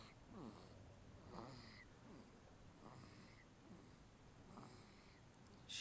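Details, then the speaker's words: Sleeping infant girl snoring: soft, quick snuffling snores with each breath, about one per second, in a quiet room; light infant snoring. "I'm not sure if you can hear this but she is snoring listen"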